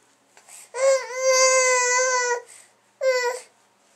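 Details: A teething baby's long, loud, high-pitched wail followed by a shorter cry; ordinary infant crying.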